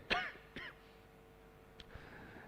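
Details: Adult man coughing while presenting regional finances at a city council plenary session after repeated interruptions: two short, raspy throat-clearing coughs, then quiet room noise with a faint steady hum.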